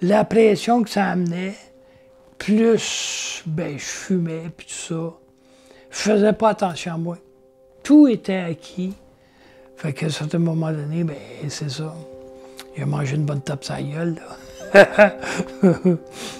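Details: Adult with aphasia after a stroke, speaking in French; aphasia.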